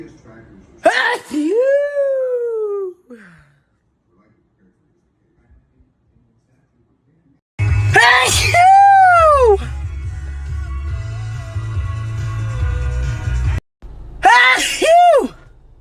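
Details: Several loud, high-pitched sneezes, each with a sharp intake and a voiced burst, with background music and room noise between them.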